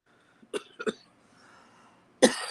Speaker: Fucking weed make me cough. I hate that shit. I hate when weed makes me cough.